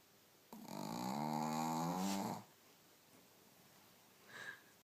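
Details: Loud snoring from a female shih tzu dog that fell into a deep sleep after a belly tickle.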